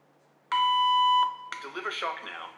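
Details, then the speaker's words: AED trainer demonstration on a CPR device: steady high beep under a second followed by a brief spoken prompt, after rhythm analysis — shock advised, charging, stay clear of patient — the shock-ready alert before pressing the shock button. "analyzing hard Rhythm do not touch the patient shock advised so it's advising to give shock charging stay clear of patient"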